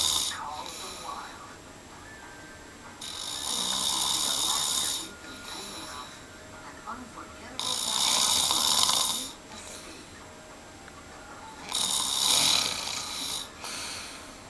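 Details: Loud snoring during sleep: three long, harsh, hissing snores about every four to five seconds, with faint room noise between them.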